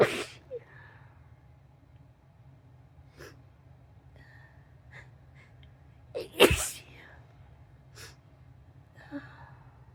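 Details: Repeated sneezing and nose blowing with snorts; the person mentions being itchy and wonders whether it is allergies or a cold.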